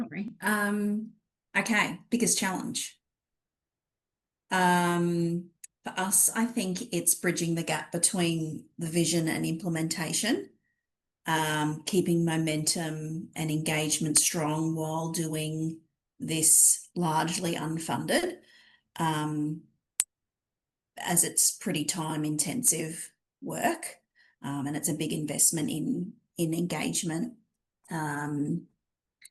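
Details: Adult woman speaking; normal voice.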